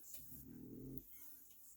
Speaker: And if you hear that snoring, that is Molly. I'm telling you, I may get a Molly cam because that dog is always in the video snoring away.